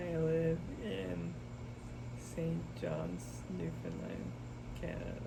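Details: Expressive aphasia with oral apraxia and right-sided paralysis in a young man after a hemorrhagic stroke at age 27, recorded July 2024 after intensive speech therapy programs.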